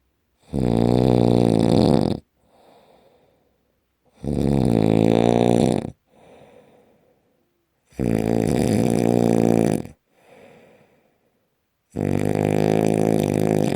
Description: Worst Snoring Ever!!! PLEASE HELP!!!